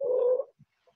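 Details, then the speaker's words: Stridor, as heard in children or with throat infection or swelling: a single high-pitched, musical inspiratory sound from a narrowed upper airway. "trider can also be heard in a person with an infection swelling in the throat or the register you may frequently hear Strider and children as they are more likely to choke"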